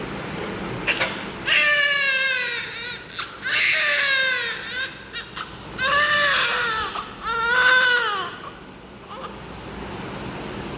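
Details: Newborn baby described as having a breathing problem, with suction tagged: several strong, high-pitched cries in bursts with short gaps; vigorous cry, no breathing difficulty evident from the sound.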